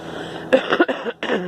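A short burst of two or three rough, throaty coughs in a quiet room, from an adult with a cold and bronchitis.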